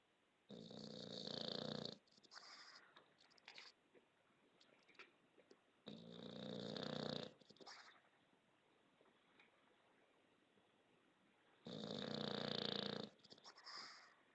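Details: English Bulldog snoring: three long, harsh, rattling snores about five seconds apart, each followed by a softer exhale, against a quiet background.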